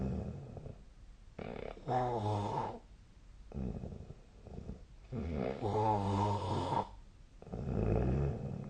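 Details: Sleeping person's snoring recorded on 12 December 2024 with the SnoreLab snore-tracking app: loud rattling snores with each breath in, separated by quieter breathing, in a quiet room; snoring.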